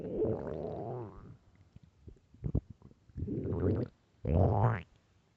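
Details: Loud stomach growling from hunger: long, loud, low rolling growls ending in a rising squeal; normal borborygmi.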